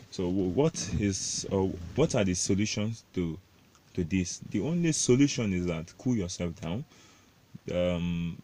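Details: Stuttering (stammering) in an adult Nigerian male, self-described proud stammerer, with word repetitions.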